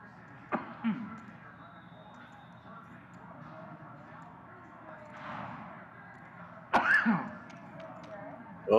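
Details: Man coughing, caught on a live poker-room stream's audio during a hand.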